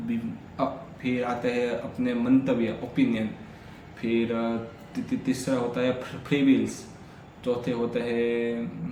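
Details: Adult man with stammering, speaking continuously for about 10 minutes as reading and storytelling practice on day 3 of a daily fluency routine that includes breathing and relaxation exercises; stammering.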